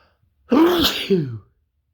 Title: more cold sneezes